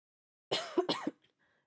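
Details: Two quick, voiced cough bursts in a row with a slightly rough, throaty quality; a lingering productive cough.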